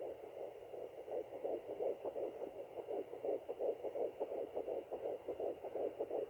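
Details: Fetal heartbeat on Doppler at 10 weeks 5 days, rapid regular whooshing pulses about 165/min; possible twins: two gestational sacs seen at 8 weeks, second sac with blood flow but only one baby confirmed.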